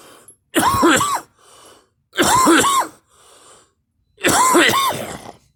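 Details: Coughing: three loud, voiced, harsh cough bursts, each followed by a quieter indrawn breath, recurring about every two seconds.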